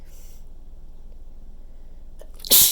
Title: some more super wet chhinkni sneezes